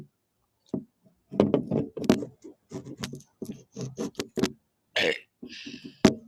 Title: me and you burping competition